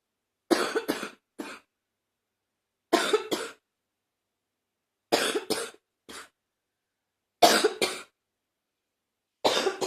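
Repeated bouts of two to three coughs with a thick, loose quality, in keeping with a congested cough.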